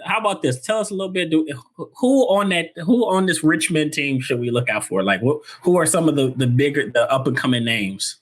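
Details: Adult speaker; normal voice.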